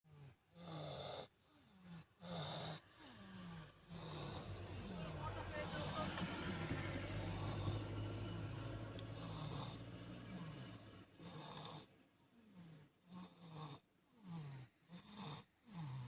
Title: sleep with snoring (kharrate)